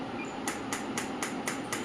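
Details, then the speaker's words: Biotronix PEMF loop therapy device with applicator on the shoulder joint, intensity raised from three to five: regular soft clicking pulses about four per second over a steady hum, showing the intensity change in sound. "So this is three. Now I increase the same to five. So you can see the difference in the intensity sound."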